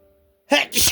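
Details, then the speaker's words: Person with bad allergies having a sneezing fit after waking: a single brief explosive sneeze with a voiced start and hissing release. "Oh man, my allergies are really bad today. It's a lot of sneezing. I think I I think I'm going to sneeze again."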